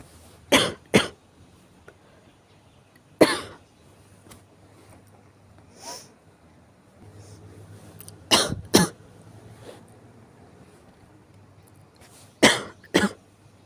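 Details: Morning coughing on waking: five bouts of sharp coughs, mostly in pairs, with quiet breathing between.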